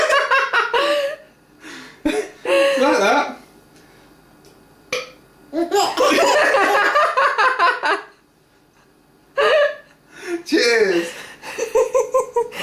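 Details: A baby: several short, throaty, gassy burps separated by pauses, with an adult laughing and talking around them; burping.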